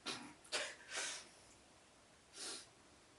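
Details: Person with no blocked nose but some nose itchiness: four short, forceful nasal air bursts in a quiet room, fitting snorting or forceful sniffing.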